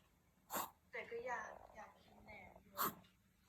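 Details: Cough in a Chihuahua dog that the vet diagnosed with a viral throat infection: two short, sharp cough bursts with a voice in between.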